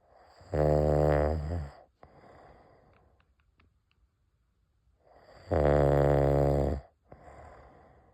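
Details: Adult husband snoring loudly at a lake in the morning: two loud, rough, buzzing inspiratory snores about five seconds apart, with quiet exhalation between; heavy snoring.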